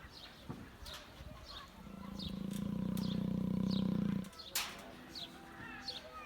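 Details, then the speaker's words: Young lion (Malysh) snoring loudly while asleep at a lion park, described as louder than lions roaring. "Слышите, как малыш храпит? показывай-ка. Он так спит? Да, храпит."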